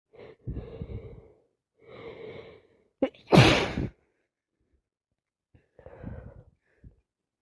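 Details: Person with nasal congestion from a cold plus sinusitis, unable to stop sneezing: breathy wind-up inhalations, one forceful explosive sneeze, quieter after-breath.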